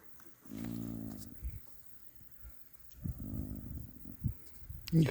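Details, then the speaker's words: Foal about four months old lying down asleep and snoring: slow, low vibrating breaths with soft snorts between, about two cycles in five seconds. "Но вот на этого года рождения где-то месяца наверное уже четыре так вот он спит и храпит"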